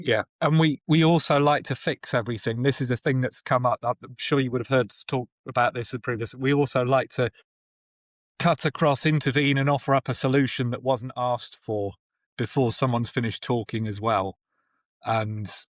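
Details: Adult man; normal speech.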